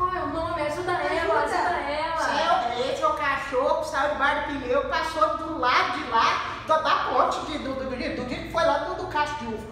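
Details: Acted comedy sketch in which the character, asked to name an object, produces fluent, meaningless circumlocution instead; Wernicke's aphasia (fluent jargon speech, anomia).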